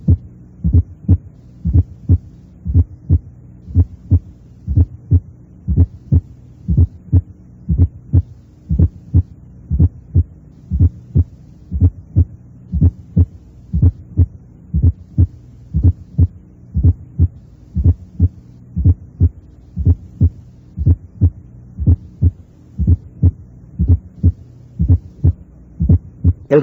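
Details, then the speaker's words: Simulated teaching recording, regular at about 59 per minute: a soft left-sided S4 before S1, louder in expiration and waxing and waning with respiration. "El ruido auricular izquierdo es más intenso en la expiración. y muchas veces solo es audible durante esta fase respiratoria. Escuche el aumento y disminución del ruido auricular con la respiración."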